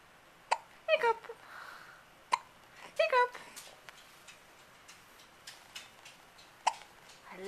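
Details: Baby hiccups recorded on a Flip Video camcorder: three sharp, brief hiccups at irregular intervals with soft vocal sounds between; ordinary hiccups.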